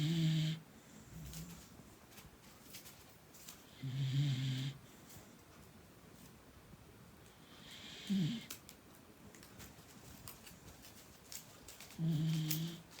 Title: Snoring beagle puppy | Must be dreaming of #kfc 🍗 |